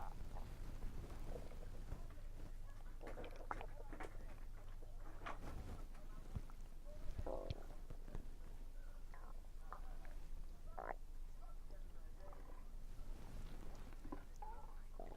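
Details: Soft gurgling and rumbling from the belly with faint chewing noises during a meal, frequent that day, attributed to low air pressure; ordinary bowel sounds.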